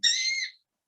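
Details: A child with Tourette syndrome, shown in a clinical lecture on tic disorders, makes a sudden involuntary screeching vocal tic; vocal tic in Tourette syndrome.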